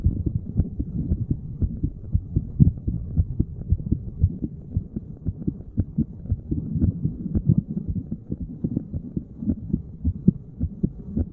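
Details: Resting heart sounds of a seated person, chest spot chosen at random: steady, regular low thumping heartbeat heard through the chest wall.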